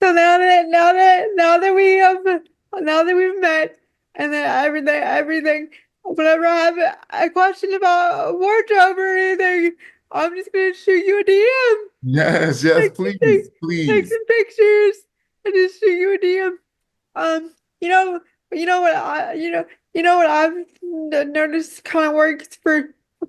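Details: Woman with quadriplegic cerebral palsy affecting her whole body, whose speech leads viewers to ask if she is crying; frequent word and phrase repetitions; dysarthria (cerebral palsy).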